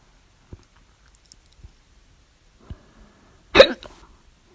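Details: Hiccups at 3:04 a.m. after overeating: a few soft, abrupt gulping clicks with the mouth closed, then one loud, sharp hiccup with a brief voiced catch with the mouth open, in a quiet room.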